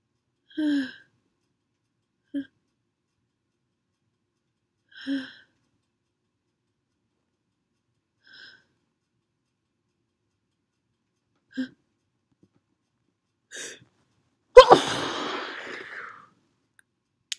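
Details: Long build-up of short catching breaths ending in one sudden loud sneeze, triggered by perfume; a stuck, body-flailing sneeze after the tickle.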